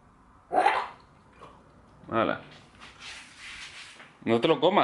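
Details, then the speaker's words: A sick dog with kennel cough (canine pharyngitis): a few hoarse, honking gagging bursts with breathy hacking between them, sounding like sneezing or retching as if choking. "y estornudar o como si tuviera una arcada o así es que yo no sé qué es exactamente dios no lo sé no tengo puñetera idea pero el tema es que claro parece que se ahoga el perro"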